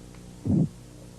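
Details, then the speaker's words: Korotkoff phase 2 heard under a blood pressure cuff: a single low thumping tap accompanied by a soft swishing murmur. "al comienzo de la fase korotkov 2 el golpeteo está acompañado de un murmullo o de sonidos de crujidos"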